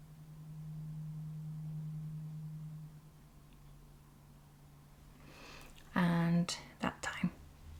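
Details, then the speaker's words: Role-played ASMR ear examination for hearing loss, repeated with eyes closed: a struck tuning fork gives a steady low pure hum fading over about three seconds as it is moved close and far, then soft whispered speech. "yeah it was that accurate and similar thing so you can hear when it was really close really far away"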